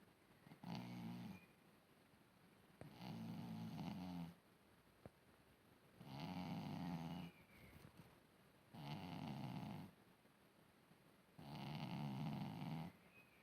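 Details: Sleeping cat snoring very loudly, with about five regular rattling snores of roughly 1.5 seconds each and quiet pauses between them.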